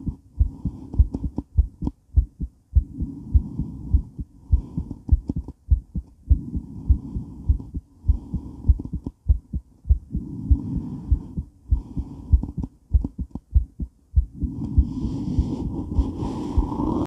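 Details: Female heart recorded during and after weight training while moving: fast, forceful, regular heartbeat about 100 a minute with handling noise; normal heart sounds in exercise tachycardia.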